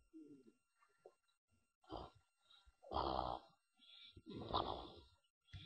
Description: Clifford my English Bulldog catching some afternoon Z Z Z Z Z 's and making a funny noise out the side of his mouth